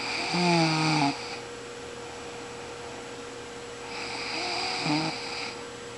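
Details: Person snoring while sleeping: two loud rattling snores about four seconds apart, each buzzing and tonal, over steady room hum.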